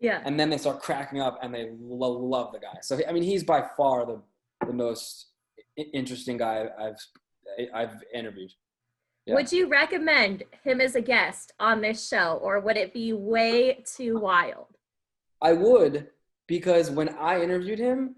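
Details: Adult male with a lifelong stutter that in childhood made reading in class and speaking to anybody hard; stuttering.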